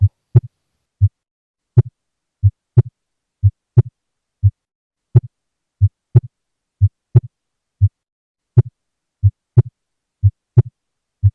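Regular heartbeat near 60 a minute with a sharp, accentuated second sound in each cycle.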